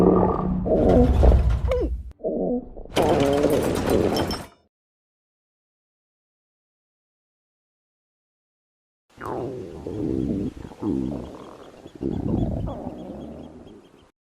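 Bursts of low gurgling and rumbling with a long quiet gap: stomach growling, ordinary gut movement of gas and fluid.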